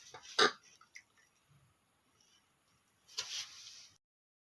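A quick, sharp burst early on and a second airy burst later, separated by quiet, consistent with two sneezes.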